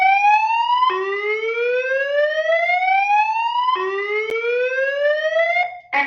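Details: A loud electronic tone sweeps steadily upward and restarts every few seconds: an AED alarm during production-line testing with a DFS360D defibrillator/AED tester playing ECG data.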